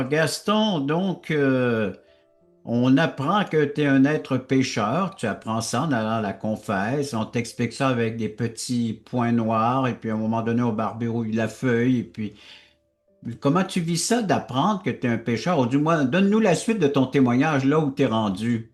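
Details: Adult man speaking French; normal speech.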